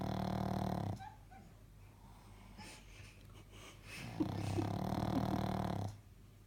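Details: 6-month-old female pug in deep sleep; loud, rough snoring with a rattling, fluttering quality on each breath, broken by a quieter pause between snores.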